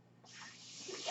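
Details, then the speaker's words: A brief rising breathy hiss of airflow as a man's own home mechanical ventilator delivers a breath while he records a spoken podcast: home mechanical ventilator. "That noise you're hearing is my ventilator, and thank you for tuning"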